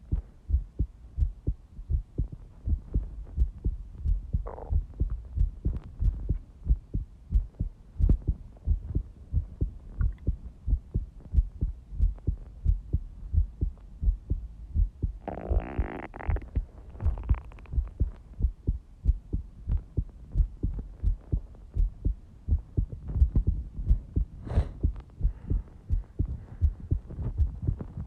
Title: Quick heartbeat recording